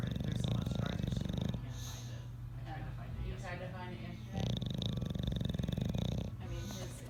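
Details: Bulldog snoring loudly with low, fluttering snores in repeated bursts and quieter gaps between, waking a sleeping cat.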